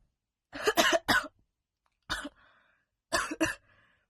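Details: Smoker's cough from a young woman during a real smoking session, coughing towards the end: six short, harsh coughs in three bursts (three, then one, then two).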